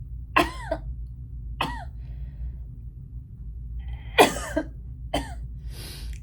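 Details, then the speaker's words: An adult woman with asthma and "really bad lungs," coughing while doing her makeup: five harsh coughing bursts, some in quick doubles, over quiet room hum, a recurrent asthmatic cough. "I'm so sorry for all the coughing. I don't want to cough at you guys. That's not my goal."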